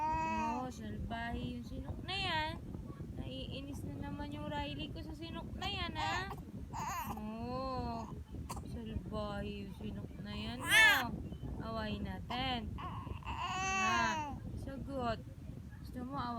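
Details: Baby during its first episode of hiccups: short, repeated infant whimpers and cries with rising and falling pitch, some breaking off abruptly; a fussing baby's cry.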